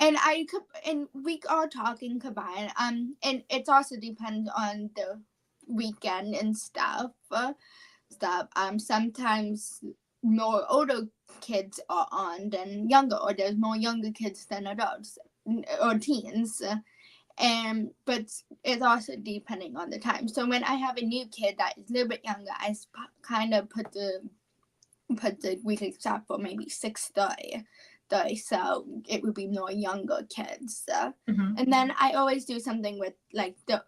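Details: Childhood apraxia of speech, a neurological speech disorder, in a 17-year-old female high school senior. She has had speech therapy since about age four, has word-recall difficulty, and was once only about 10% intelligible.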